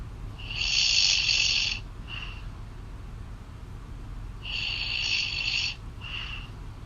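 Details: Adult woman snoring loudly, heard over a phone call: two long, harsh, rattling snores about four seconds apart, each followed by a softer exhale, over hissy phone-line sound.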